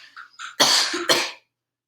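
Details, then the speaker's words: Strong two-part voluntary cough with sharp onset on command during a swallow evaluation; no wetness or rattling heard at the vocal folds, judged normal. "let me hear you cough all right that sounds good so i'm not hearing any wetness or vocal folds i'm not hearing any rattling around"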